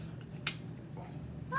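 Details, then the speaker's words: Spring-loaded lancing device firing a single sharp click to prick a finger for a blood glucose test, a day after a 72-hour sardine fast, checking the glucose/ketone ratio. "so we might as well do this number first numerator stick myself"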